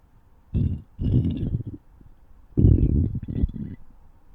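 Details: Requested recording of stomach growling: two low, gurgling rumbles with bubbly texture separated by quiet, borborygmi.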